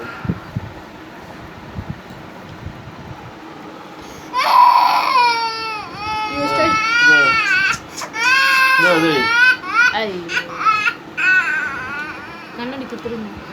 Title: angry baby